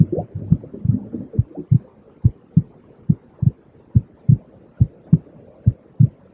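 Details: Normal heartbeat used as a white-noise soothing track for babies, children and adults: steady paired low lub-dub thumps, regular, about 70 beats a minute.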